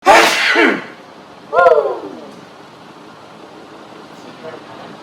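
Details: A man (the speaker's dad) in a prolonged sneezing fit of four sneezes in two minutes: one loud, explosive sneeze followed by a shorter voiced burst, then quiet room noise; sneezing.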